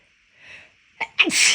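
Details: Deliberately induced sneezing from a lingering left-nostril tickle weeks after an illness. A soft indrawn breath, a brief catch, then one loud, forceful, explosive sneeze.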